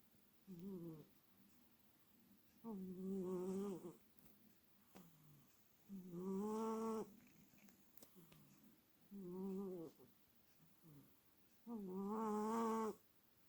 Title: 😻Sleeping beauty, snore❗